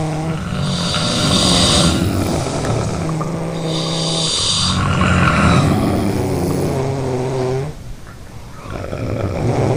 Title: Everyone Snoring Sound Effect